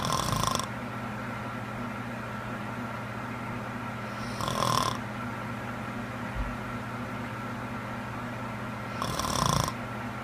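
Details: Sleeping girlfriend snoring: three rough snores over about ten seconds, roughly 13 breaths a minute, against a steady background hum.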